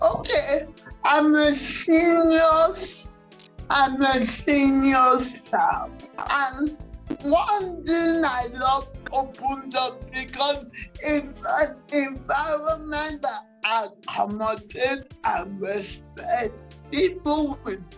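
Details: Dysarthria in a 47-year-old woman with cerebral palsy that presents through her speech.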